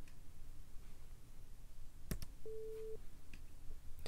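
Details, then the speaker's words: Simulated pure-tone hearing test in an acted ASMR ear exam: soft button clicks, then a steady half-second test tone over faint room hiss; tones at different pitches toward the edge of normal hearing range. "those are the tones that most people are going to hear i'm going to go a little bit uh different pitches a little bit further outside of the range of the normal hearing"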